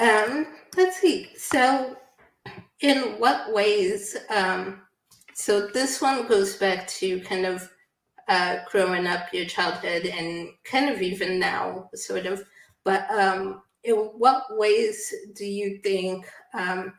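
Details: Adult woman speaking; typical speech.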